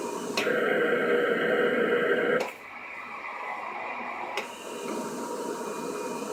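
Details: Mechanical insufflation-exsufflation (cough assist) device in action: a steady motor whir for about two seconds, then a sudden drop into a quieter phase, typical of cough-assist cycling.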